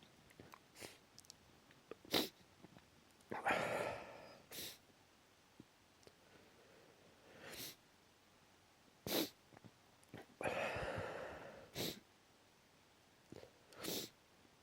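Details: Repeated sharp sneezes with breathy gasps between, in a quiet room, while half asleep and just drifting off; allergic sneezing.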